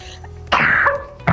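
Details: Acted adult cough in a cold-and-cough medicine advert, a woman portrayed as having a cold: one loud, harsh burst, then the start of a second, over faint background music.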